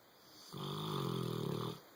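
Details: Boxer dog asleep on a bed, snoring: one loud, buzzing, fluttery snore lasting over a second.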